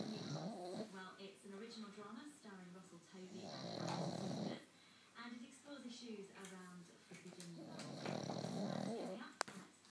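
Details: Loud rattling, grunting snores with a harsh, vibrating quality on each breath; snoring.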